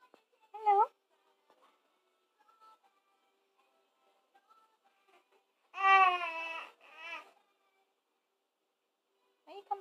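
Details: Infant fussing during tummy time: brief fussy cries with long quiet gaps and soft room sounds; an ordinary protest cry.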